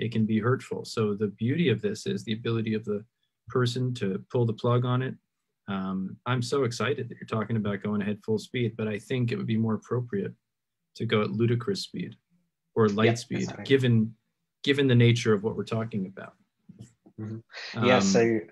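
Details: Adult man speaking; typical speech.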